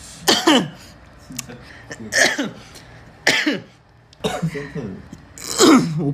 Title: Kingdom cough